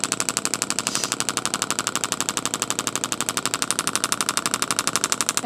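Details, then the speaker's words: Intelect RPW 2 radial shockwave therapy handpiece during treatment of sensitive tissue after an intensity adjustment: rapid, even clicking pulses about four per second from a magnet striking metal inside the device, not on the skin. "what you're hearing is a magnet going back and forth inside this device here and it's hitting a piece of metal basically on the other side creating a force"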